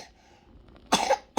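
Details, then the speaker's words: Young child with fever over 38 and a large tongue ulcer, severe cough to the point of vomiting: one harsh, forceful cough burst, then the start of another. "batuknya gigil batuknya parah tuh"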